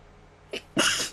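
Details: Short indrawn breath, then one forceful, explosive sneeze over faint room noise, recorded by a person filming their sneezes on request; sneezing.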